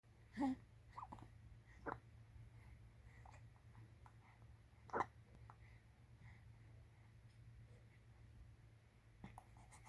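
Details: Infant hiccups while in her diaper: brief, sharp catching sounds, irregular, four in about ten seconds, over a steady low room hum.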